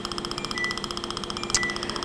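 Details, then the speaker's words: Rapid, even ticking pulses with a faint steady tone: a 2,940 nm Er:YAG dental laser firing during PIPS root canal rinsing with water in a patient. "we work with the herum yuck laser so we work with wavelength by 2,940"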